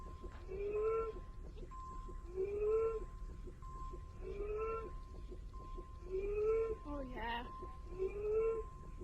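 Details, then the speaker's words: Simulated pregnant patient (VR scenario) developing hives and suspected anaphylaxis after a medication, turned on her side: repeated high musical wheezes at about 30 breaths a minute, audible without stethoscope. "Okay, what are you hearing? Are you hearing wheezes? I can hear them from here. Yes, absolutely."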